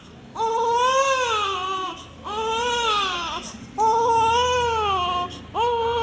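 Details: Repeated long, clear, wailing cries with brief breaths between, from a crying newborn baby; a sound-effect recording.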